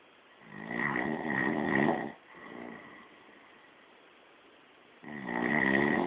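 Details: Person caught snoring during sleep: loud, rough, rattling snores on breathing in, with quiet gaps between them.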